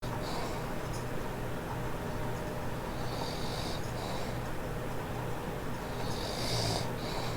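Continuous low rumbling breathing noise with rough, fluttering sounds through the recording, fitting loud snoring.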